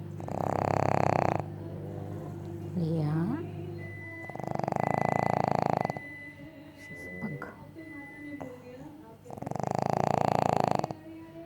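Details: Pug snoring: loud, rough, rattling snores about every four to five seconds, with faint background sounds and a brief voice between them.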